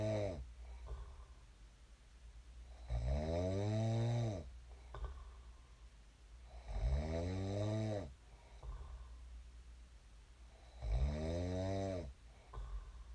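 Loud rattling snores on each breath in, about 15 breaths a minute, with quieter breaths out between; snoring during sleep.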